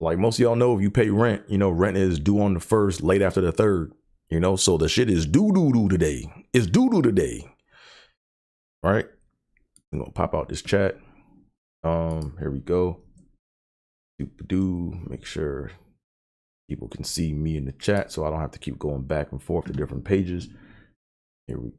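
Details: Adult male with long-standing stuttering that he says traumatized him for decades; stuttering.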